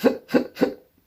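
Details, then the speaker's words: Three quick, evenly spaced voiced hiccup-like sounds, a very obvious hiccup tic in a person with Tourette syndrome and coprolalia. It makes them sound drunk when buying alcohol, so they often get questioned. "very obvious hiccup tick makes it sound like i've already been drinking when i go to buy booze so i get questioned a lot"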